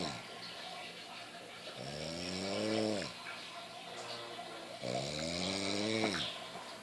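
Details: Two loud, drawn-out snores with a rough, buzzing pitch rising and falling on each inhalation, separated by quiet exhalations.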